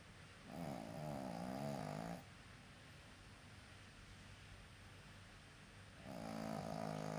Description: My dog snores. :)) Please watch. Put your volumes higher!!!